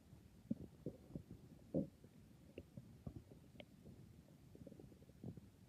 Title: 🤤nighttime stomach growls🤤